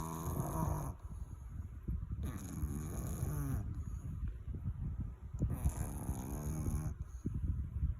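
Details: A sleeping Chihuahua dog snoring: three deep, rattling, grunting snores in eight seconds.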